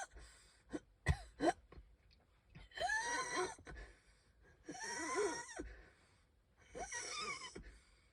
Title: I can hardly breathe- wheezing, coughing